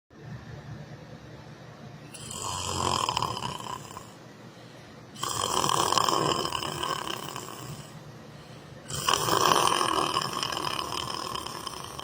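Three loud, rasping snores at slow, steady intervals, with quieter breathing between them. Ordinary snoring during sleep.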